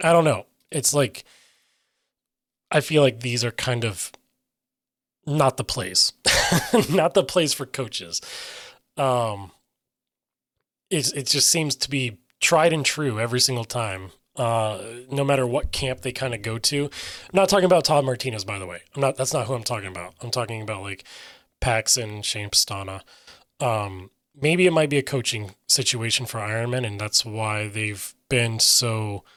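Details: Aphasia in an adult man who reports difficulty getting words out and sometimes substituting other words.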